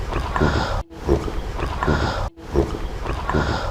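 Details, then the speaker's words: Example sound from an emergency airway assessment lesson: wet, bubbling gurgles with each breath, about 40 a minute; gurgling respirations from vomit, blood or saliva filling the airway. "거글링은 기도에 구토와 혈액 침이 찬 거,"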